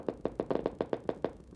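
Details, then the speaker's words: Needle EMG demonstration during resisted wrist ulnar deviation and flexion: regular crisp tapping pops at about six per second from a single isolated motor unit of normal amplitude, shape and duration; normal motor unit potentials. "there's a perfect more unit there nice and isolated single more unit normal amplitude normal shape normal duration"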